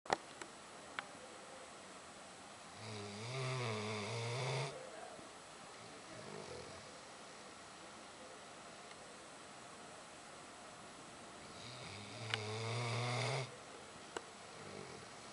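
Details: Very tired Airedale terrier dog asleep and snoring: two deep, rumbling inspiratory snores about nine seconds apart, quiet room between them.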